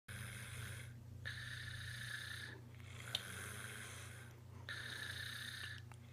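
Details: Baby snoring, described as very loud: soft, repeated noisy breathing sounds over a steady low background hum; infant snoring.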